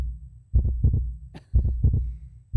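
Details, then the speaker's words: Clear paired lub-dub heart sounds, about 60 beats a minute, steady rhythm; normal heartbeat presented in a sermon. "수명을 평균 80 정도로 보면요이 80년 동안 저 심장 소리가 몇 번 냐면 약 20억에서 30억 번 뛴 대요"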